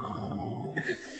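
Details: Adult man's recorded sleep snoring: a rough, rattling, groan-like low sound under a second tailing into quieter breathy noise, loud snoring reaching about 78 decibels.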